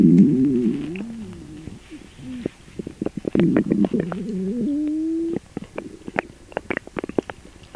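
Loud gurgling and long groaning, squeaking rumbles from the belly, with a sustained whine near the middle; loud bowel sounds from an upset stomach.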